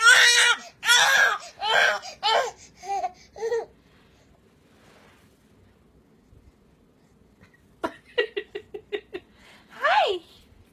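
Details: Infant crying: bursts of loud high-pitched crying and wailing, a pause, then short sobbing catches and another cry. An ordinary fussing cry.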